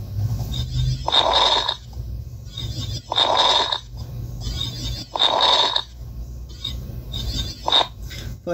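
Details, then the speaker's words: Simulated lung sounds from an auscultation practice app: bursts of coarse, bubbling crackles, about four breaths in eight seconds, pathological coarse crackles. "y también se puede escuchar respiraciones patológicas por ejemplo unas crepitaciones unos unos ruidos agregados en la respiración por ejemplo las reputaciones finas unos crepitantes chinos inspiratorio [Música] unos practicantes gruesos"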